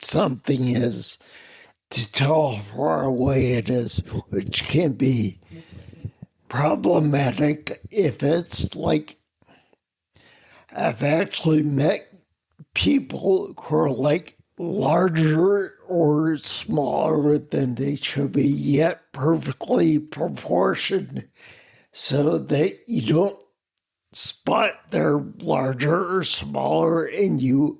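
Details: Adult man with spinocerebellar ataxia of unknown cause, a rare neuromuscular disease that began with double vision and clumsiness; slurred speech since around 1999, plus mobility problems and noise-induced anxiety, treated symptom-by-symptom through the VA; ataxic dysarthria.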